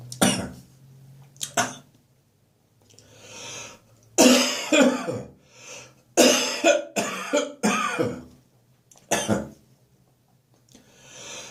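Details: Adult's congested wet cough on waking in the morning, recurring again in summer: repeated harsh, loose coughs in bursts with audible in-breaths between them.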